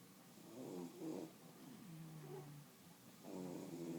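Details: Sleepy, relaxing bully dogs: low, buzzing breath sounds with a drawn-out whistly tone in a quiet room; snoring.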